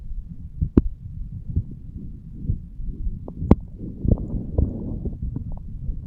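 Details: 35-year-old male lying on his side, self-recorded at the aortic valve area: soft, low heart sounds with faint blood-flow noise and occasional rubbing clicks.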